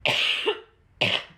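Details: Lingering cough in a mother of two toddlers.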